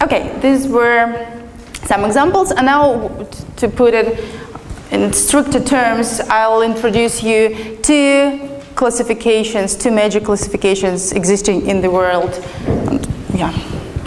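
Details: Adult woman speaking; normal fluent speech.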